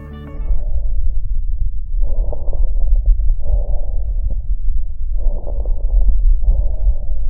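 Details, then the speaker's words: Breath sounds through a stethoscope with brief popping clicks, each under 5 ms, in rapid succession over the chest wall, from sudden opening of airway segments: crackles. "la interpretación son ruidos cortos de menos de 5 milisegundos que aparecen en rápida sucesión y que se ocultan sobre la pared torácica"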